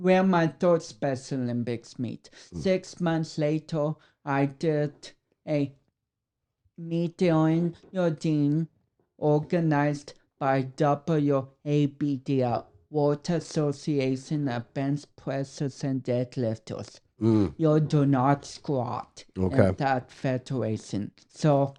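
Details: Dysarthria from cerebral palsy in a 32-year-old man, whose cerebral palsy affects speech coordination and walking.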